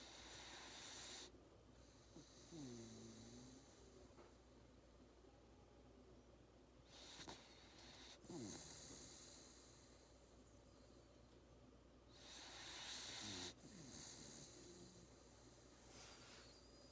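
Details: Labrador Retriever puppy snoring while napping after a hard day of play: soft, rhythmic snores with breathy hisses and a few snorts, roughly every five seconds, over low room hum.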